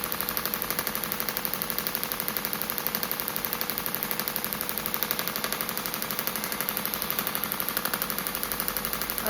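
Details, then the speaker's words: Radial shockwave at low pressure, about one bar, 12 Hz, about 2,000 shots, on a perimenopausal woman's own shoulder soft tissue (old dislocation injury); not too sore: rapid steady mechanical clicking pulses. "So, we're doing it about 2,000 shots. About It's about one bar. I'm on about 12 hertz. One bar is quite low."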